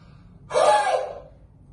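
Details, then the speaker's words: One long, open-mouthed forced breath out, like fogging up glasses: a demonstrated huff (forced expiration technique), the final stage of the active cycle of breathing technique for sputum clearance, after breathing control and deeper breaths. "I guess that's the bean control it's just a couple of those before I move into the final stage which is a tough way taken all right then oh I squeeze all the air out"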